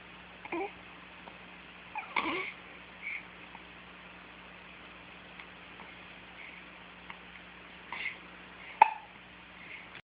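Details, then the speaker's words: Cat with hiccups: short, sharp little catches at irregular intervals, about five in ten seconds, over a steady low room hum: hiccups. "Do you have the hiccups? Do you have the hiccups? Oh! Yeah, you got the hiccups? You got the hiccups?"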